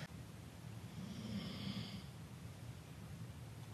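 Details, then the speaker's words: A pet dog snoring in the background during talking; the snoring is audible behind the speech. "yeah, you can hear my dog snoring."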